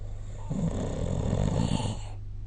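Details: Snoring during sleep recorded with the SnoreLab smartphone app: one deep, rumbling, fluttering snore lasting about a second and a half over a steady low hum.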